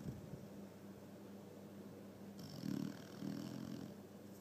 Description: My dog sleeping, snoring and dreaming in my bed..... Has R.E.M (rapid eye movement)